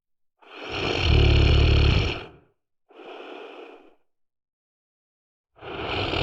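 A loud, rattling in-breath snore, then a quieter breathy exhale, a pause, and the next snore starting.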